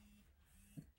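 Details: Prototype low-cost 'stammer band' rubber wristband giving a vibrating tactile beat to pace speech, helping a person with Parkinson's stammering and slurring: a low, steady mechanical buzz with a brief knock.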